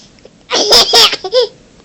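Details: Person with a bad case of hiccups that won't stop: a loud, explosive sneeze-like burst followed by a brief voiced laugh-like sound; sneezing.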